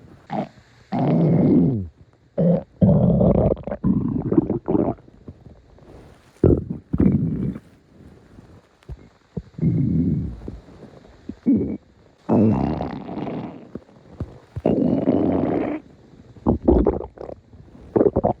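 Long low gurgling and rumbling runs with short pauses: ordinary stomach growling, harmless bowel sounds.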